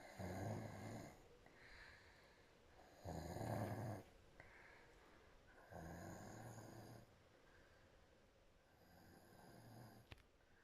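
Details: Adult woman asleep within two minutes, mouth opening wider and wider, giving soft, rhythmic, low rattling snores about 20 a minute with quieter breaths between; snoring.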